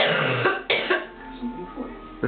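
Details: Young woman at college having a coughing attack: several sharp cough bursts in quick succession with strained voicing between them, over background music.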